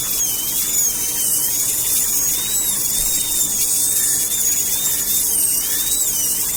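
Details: Dental rotary handpiece during root canal treatment of curved canals: a steady high-pitched whine running continuously with a slightly wavering pitch.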